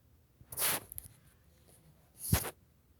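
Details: Sneezes provoked by inhaling black pepper: two bursts a couple of seconds apart, a softer hiss then a sharper forceful release, in a small room.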